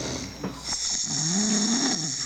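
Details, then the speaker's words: Two people snoring in sleep, possibly after drinking alcohol (joked): a loud, rough snore on the in-breath, with a rising throaty drone and hissing noise behind it. "pero al final de cuentas Aquí están los ronquidos de los coses aquí"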